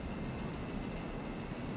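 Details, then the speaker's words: Electrical activity of a normal brain played as sound: a steady, low, droning rumble likened to the distant roar of a four-engine airplane. "Ese sonido que oímos ahora procede de un cerebro normal."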